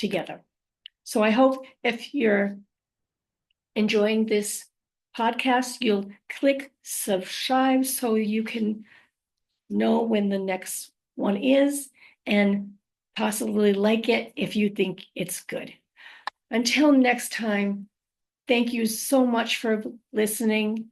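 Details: Adult woman living with aphasia, apraxia of speech and dysarthria after a stroke, struggling with words and phrases; aphasia with apraxia of speech and dysarthria.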